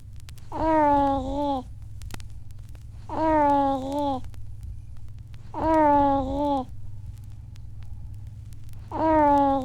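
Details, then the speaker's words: Four soft, tuneful rising-and-falling vocalizations from an infant about 2.5 seconds apart over a steady low room hum: normal pleasure sounds (contented cooing) of a happy, contented baby. "And three, the pleasure sound of a happy and contented baby."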